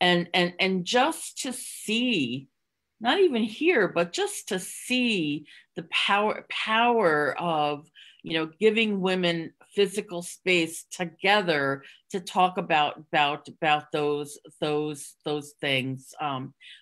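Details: Stuttering in an adult woman who stutters, speaking openly in a podcast interview; she concealed her stuttering through avoidance for close to 30 years before embracing it.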